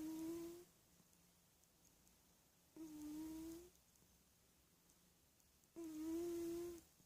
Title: Sleepy kitty snores